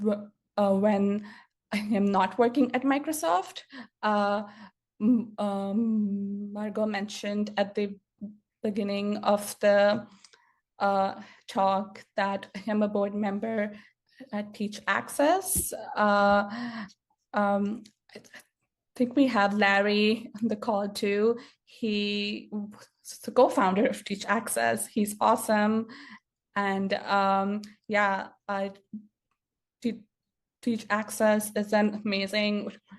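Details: Stuttering in an adult woman who grew up with a stutter and still stutters; real speaker, not acted; finding: stuttering.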